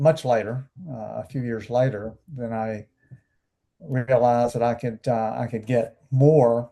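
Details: Adult male stroke survivor with anomic aphasia about 12.5 years after his stroke; he had speech therapy starting days after leaving hospital.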